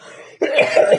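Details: Adult man with a persistent cough problem and doctor-noted vocal cord swelling: a single abrupt, harsh, rough throat-clearing cough after a brief quiet moment.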